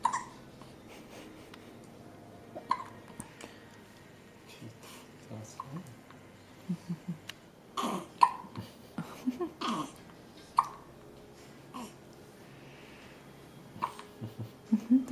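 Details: Female with recurrent hiccups, almost six episodes a day, sometimes frustrating, not bothered this time; repeated short sharp hiccup sounds at irregular intervals, faint voices and breathing in background; hiccups.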